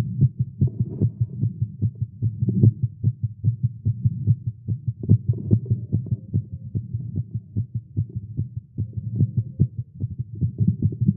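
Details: Male heartbeat recorded during exercise with caffeine, tagged irregular heartbeat: rapid pounding beats at roughly 140–150 per minute with slightly uneven spacing; fast heartbeat.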